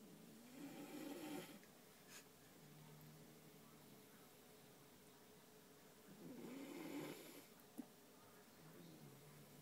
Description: I was at my cousins house and I heard her dog snoring so I caught it in tape